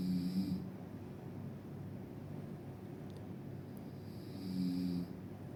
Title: The loudest snoring sound in the world